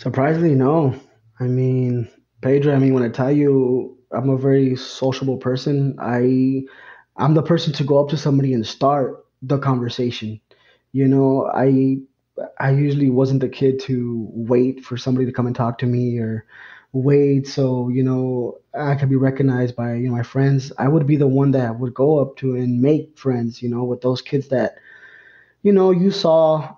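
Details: Adult man, a lifelong stutterer whose stutter first became noticeable around third grade when reading aloud in class; stuttering.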